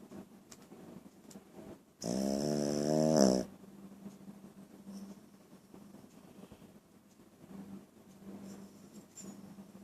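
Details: A single loud, buzzing snore lasting about a second and a half, then quiet breathing and faint room noise: snoring.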